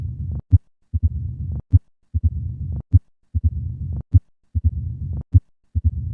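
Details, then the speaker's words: Mitral stenosis: regular heart sounds about 50 per minute with a low-pitched rumbling diastolic murmur, heard at the cardiac apex with the stethoscope bell. "In summary, mital stenosis is a low-pitched diastolic rumbling murmur which is heard at the cardiac apex with the bel"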